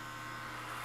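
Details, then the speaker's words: Steady electric buzz of a powered toothbrush, held at the gum line during a dental hygiene class role-play for a heavy smoker with advanced periodontal disease; the brush does the vibratory strokes. "um so what you do with this it actually does the vibratory strokes for you so you just hold it in place cut the gum line like i said"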